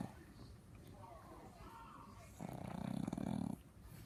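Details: Pug, a flat-faced small dog, snoring: quiet breathing, then a loud, rattling, low snore on one breath in.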